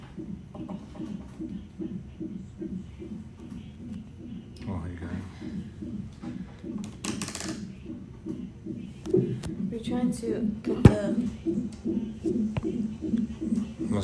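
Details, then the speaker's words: Fetal heartbeat on labor monitor at hospital during labor, day before delivery of baby girl: fast, regular whooshing, about 150 beats a minute, with brief room noises. "can you hear her heartbeat hi she's coming yay hey casey"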